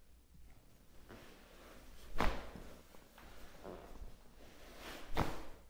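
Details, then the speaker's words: Sharp cracking pops from the spine as a chiropractor manipulates a woman in a small room; she came in for knee pain, and the manipulations were said to be painless but noisy. Joint cavitation during spinal manipulation. "ok E te l'avevo detto i rumori sono stati tanti"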